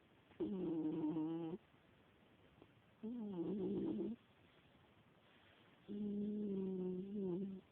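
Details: A 17-year-old female cat snoring while asleep.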